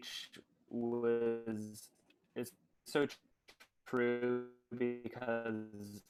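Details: Adolescent boy speaking; stuttering.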